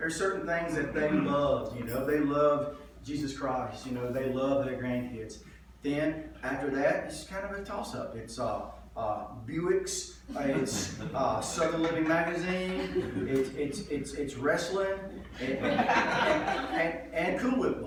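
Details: Adult man with lifelong stuttering, which he says was pretty bad in one story: stuttering.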